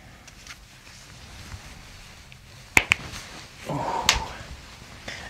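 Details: Two quick sharp cracks, then a brief louder pop over room noise: joint cavitation during a chiropractic spinal adjustment.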